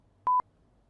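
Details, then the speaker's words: BeHear NOW headset in personal hearing amplifier mode: a single short, steady high beep on a short press of the right control box button, signalling one step up in volume. "Voor iedere verhoging van het volume hoort. u een hoge toon."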